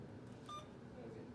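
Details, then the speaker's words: Single short infusion pump keypress beep as a nurse programs a secondary IV piggyback of ceftriaxone at 200 mL/h, volume 100 mL, simulated nursing demonstration; quiet room. "and then I'm gonna hit secondary so that I can program in my ceftriaxone so that's going to be at a rate of 200 milliliters an hour"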